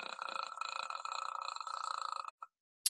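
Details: Man deliberately demonstrating vocal fry, not a disorder, a register he says is widespread largely from California Valley speech and not good for the vocal cords; vocal fry.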